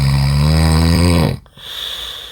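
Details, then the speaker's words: Adult man in deep sleep in a hotel room near midnight: one very loud, deep, buzzing snore that stops abruptly as he is briefly startled by his own snoring, then quieter breathing; heavy snoring. "굉장합니다 자기 자신이 코고는 소리에 놀랬잖아 또 다시 시작되고 데시벨은 점점 키우고 있는"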